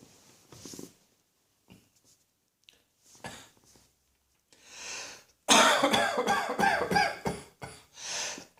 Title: Cross Dressing Coughing 131